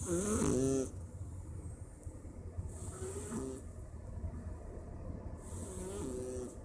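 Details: Male Persian cat asleep in the afternoon, slow, low, fluttering snores with soft whistling on the breath, about three cycles in seven seconds; snoring.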